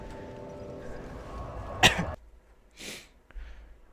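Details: A single abrupt, explosive sneeze over background game sounds, then a brief sniff, from a live streamer who said he would be coughing and sniffling a lot.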